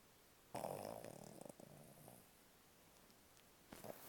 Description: My dog laying in bed with me in a deep sleep snoring and twitching funny as